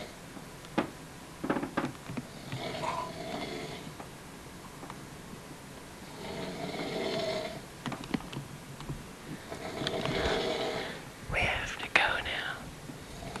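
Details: Person snoring during sleep: slow, rough, rattling breaths recurring every few seconds, with a few soft clicks and snorts between; snoring.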